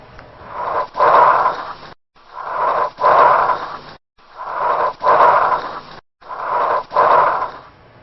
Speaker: they may not be that obvious to you this sound but what is it it is a sound that sounds like bronchial breath sounds